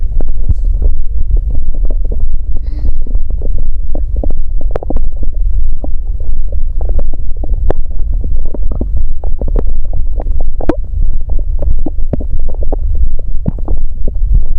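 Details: Woman during menstrual period with period pain: continuous low rumbling with frequent irregular gurgles and pops from the belly; ordinary active bowel sounds (borborygmi).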